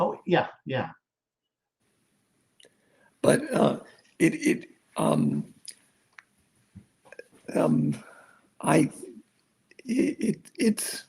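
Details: Aphasia in an adult male stroke survivor after a severe stroke, following over a decade of rehabilitation.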